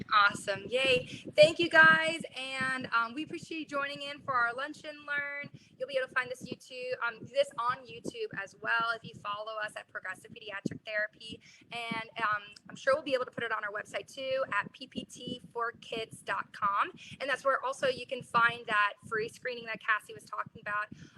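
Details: Adult woman speaking; normal adult speech.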